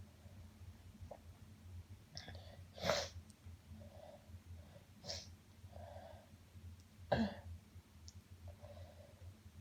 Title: Sniffles after Sneezing